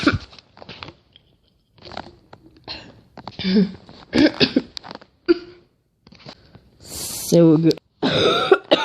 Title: Girl Coughing 16